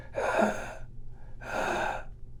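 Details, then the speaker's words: Doctor's imitation of airway stenosis: two quick, harsh, rushing in-breaths with no voiced pitch, the kind heard on exertion such as climbing stairs; harsh inspiratory stridor. "you hear a harsh inspiratory noise it sounds kind of like a so there's no pitch to be heard in there it's a it's a harsh rushing air noise"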